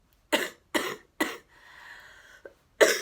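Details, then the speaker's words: Three sharp, dry coughs in quick succession, a breathy pause with a faint whistle, then a fourth cough, from a vlogger who has been sick for a long time; repeated cough. "Claire. Update. I'm still sick. So, I literally am dying."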